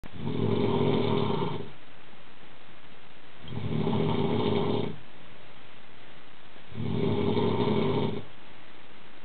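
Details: Three loud, rough, low snores about every three seconds, roughly 20 a minute, with quiet gaps between, from a sleeping adult games journalist. Snoring.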